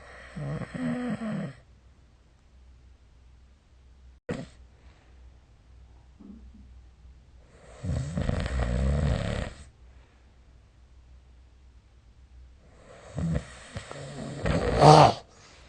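Three loud, rough snores on breathing in, spaced several seconds apart, with quiet breathing between. Snoring during sleep.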